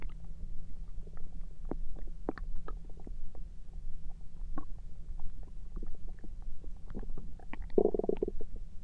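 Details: Frequent low gurgles and clicks with a brief louder squeaking rumble near the end, recorded through the night; ordinary stomach rumbling (borborygmi).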